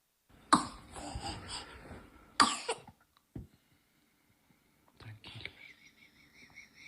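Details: Chronic cough in a previously healthy boy: two harsh coughs, throat clearing and noisy breathing.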